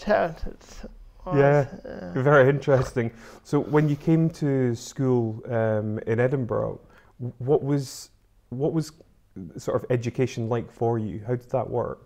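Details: Adult interviewer; typical speech.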